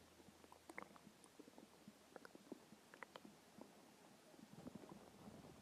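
Soft bubbling gurgles and squeaky rumbles over quiet room noise: ordinary stomach growling from hunger.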